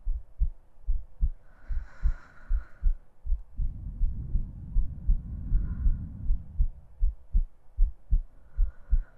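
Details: Woman's heartbeat and breathing recorded for an ASMR sleep aid: steady low heart thumps at about 78 a minute, with a slow breath sound midway; regular normal heartbeat.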